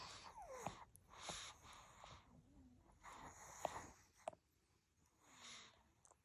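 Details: Pug, a short-nosed breed, snoring with noisy, rasping, snorting breaths at about 20 breaths a minute. Snoring.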